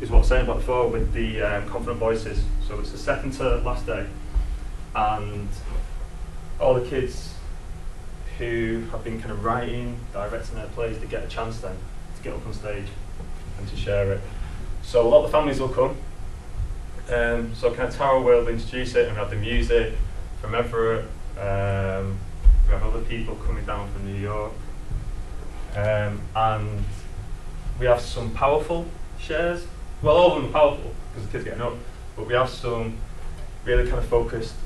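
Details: Adult male presenter who lives with a stammer; stuttering.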